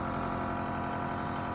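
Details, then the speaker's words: A steady mechanical hum with a constant tonal whine as a nebulizer runs for a baby girl with a cold and phlegm; nebulizer compressor running. "आज उनको nebuliser लग रहा है थोड़ी सी सर्दी हो गई थी और कफ जमा"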